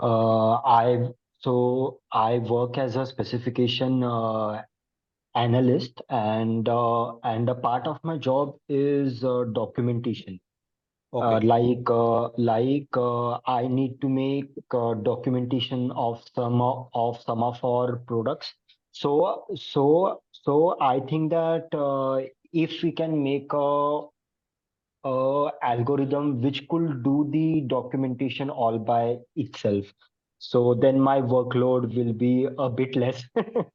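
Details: Adult man who stammers, senior volunteer of a self-help association of people who stammer, with word repetitions while speaking in a talk; stuttering.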